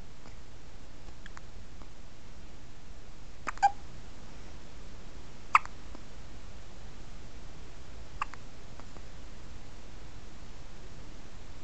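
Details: 1-week-old sleeping baby boy with hiccups: three or four brief sharp catches a few seconds apart in a soft, quiet room.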